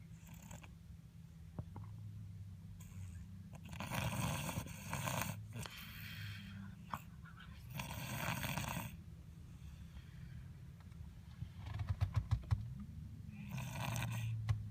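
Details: Young boy asleep: repeated noisy, rattling snoring breaths, each lasting about a second, with low room hum; snores like his father.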